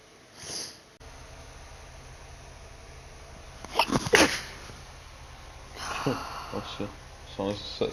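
Several quick, sharp sneezes and sniffs in a small room, with faint talk in the background; sneezing.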